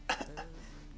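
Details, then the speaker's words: Comic, acted cough from an adult man who says he feels unwell: two short, deliberately exaggerated cough bursts, not a real clinical cough. "There goes that cough again. Oh, terrible, isn't it?"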